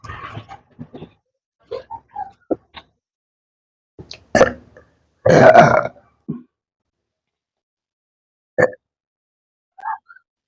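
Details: Repeated burping (eructation), many belches after eating Lahori cumin during a burping challenge.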